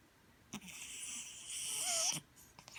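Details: Sleeping cat, a former stray: a single hissing, whistling breath lasting over a second in a quiet room; a cat's snore.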